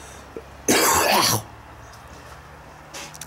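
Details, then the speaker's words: Adult with a bad cold and thick phlegm that is hard to bring up: one harsh, forceful cough and throat-clear lasting under a second, then a faint second clear; a productive cough. "oh it just produces like this really thick thick flamy stuff and it's hard to get it out if you know what I mean oh go away cold"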